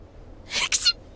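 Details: One of an assortment of normal and sick sneezes from the same individual: a single brief, high-pitched hissing sneeze in two quick parts.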